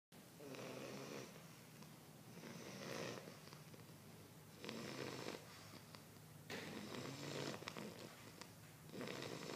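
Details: Steady rhythmic snoring, a rough noisy sound on each breath, with breaths roughly every few seconds; snoring during sleep.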